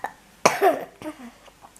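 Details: A single harsh cough with a short trailing second burst, from a sick narrator while reading a Russian children's bedtime tale aloud; an ordinary cough.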